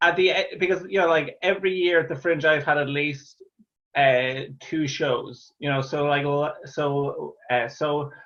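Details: Real stuttering (stammering) in an adult Irish man, a stand-up comedian who stammers, heard talking in an interview.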